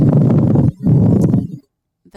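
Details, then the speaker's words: A lung sound played in an EMT lung-sound recognition quiz, for a patient presenting with pain in one place in the chest; pleural friction rub. "so this might give it away but what if i told you this patient was presenting with pain in one place of their chest pleurisy no fusion plural rub that was plur that was plural rub"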